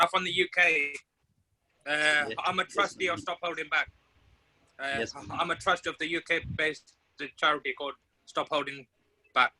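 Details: Adult man from the UK who identifies as a person who stammers, speaking on a stammering awareness panel; stammering.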